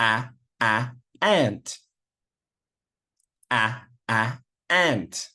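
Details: Demonstration of first-sound repetition, with the initial 'a' repeated before a word; stuttering (sound repetition).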